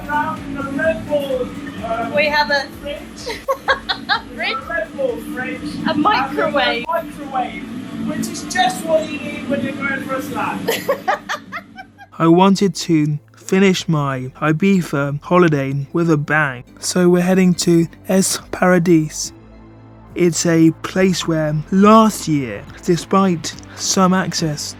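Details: Man with cerebral palsy affecting his movement and speech, a wheelchair user; dysarthria (cerebral palsy).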